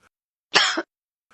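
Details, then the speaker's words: Hoarse cough: one short, rough, weak, gravelly adult cough, a teaching example in a set of cough types, described as common in laryngitis, vocal cord overuse, or acute inflammation. "- rough, weak, and gravel. Common in laryngitis, vocal cord overuse, or acute inflammation."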